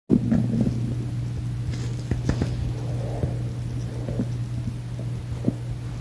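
Low, continuous rumbling with scattered gurgles and clicks, typical of an empty stomach's bowel sounds.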